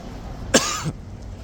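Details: Adult man outdoors at Horse Guards, London, coughing once, sharp with a brief throaty tail, faint background noise; he blames airborne material in the air that day.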